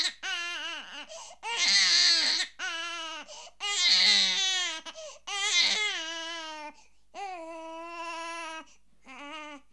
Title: Unhappy baby Crying sound effect